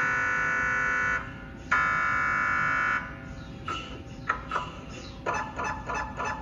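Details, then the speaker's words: MRI scanner noise during a diffusion-weighted imaging (DWI, echo-planar) sequence, one of several scanner models: loud steady electronic buzzing tones, then rapid knocking and chirping bursts. "The sound of a dwi scan sequence can also vary between the different mri scanner models."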